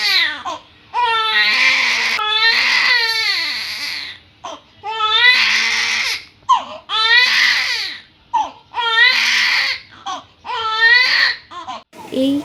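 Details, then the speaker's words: 18-day-old newborn with a history of hospital treatment for jaundice, crying in repeated high-pitched wailing bursts separated by brief breaths; a typical newborn cry. "কান্নার আড়ালে যে কত কথা লুকিয়ে আছে তা একমাত্র মাই বুঝতে পারে। কখনো পেট ব্যথা, কখনো ক্ষুধা, কখনো বা আদর পাওয়ার বায়না।"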